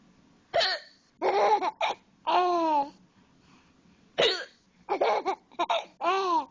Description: i have the hiccups, and my son is sitting on top of me and thinks they are hilarious!